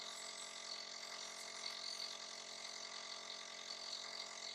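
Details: Steady, soft buzzing hiss from a nebulizer giving a breathing treatment to a little one who coughs and sneezes, with no breathing or coughing heard; nebulizer running.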